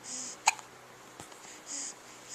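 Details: Infant making new sounds, with a single sharp, brief hiccup in a quiet room with soft hissing noise; infant hiccups.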